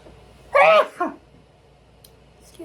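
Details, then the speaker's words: A single sneeze announced by the speaker in the middle of a talk: one loud, forceful, voiced sneeze with a short trailing catch, then a quiet room; an ordinary sneeze. "Yeah, just I'm feeling a really lonely feeling. Let me sneeze."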